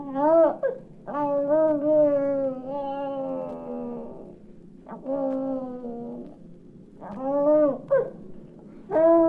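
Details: Young infant, from a 1967 recording of babies' sounds for expectant and new parents: several drawn-out, pitch-gliding squeals and coos separated by pauses; normal early vocal play before speech.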